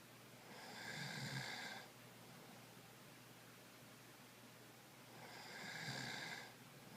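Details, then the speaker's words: Light snoring: two slow, soft, rasping breaths about five seconds apart in a quiet room. The sleeper is then poked and asks whether they were snoring. "What, you were, what was already snoring? No, I just felt like poking you. Huh? No, I just felt like poking you randomly. Was I snoring? Yes."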